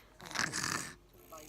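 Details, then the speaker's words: Young child with a cough and cold: one rough, snorting nasal breath through a blocked nose, likened to Peppa Pig; nasal congestion. "huh she got cold so she sounds a bit like Peppa Pig listen listen"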